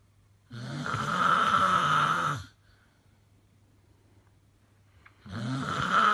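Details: Really bad snoring: a loud, rough, rattling snore lasting about two seconds, a quiet pause, then the next snore begins; heavy snoring.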